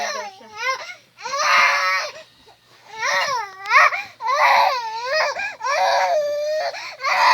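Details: Baby crying while being soothed toward sleep and feeding: repeated loud, rising and falling infant wails with brief pauses between breaths.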